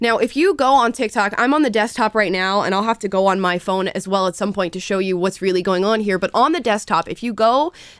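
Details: Adult woman speaking; Normal speech.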